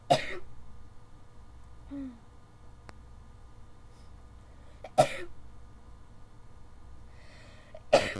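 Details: Sneezing fit from someone with bad allergies: three sharp, explosive sneezes a few seconds apart, with quiet breathing between them in a small room.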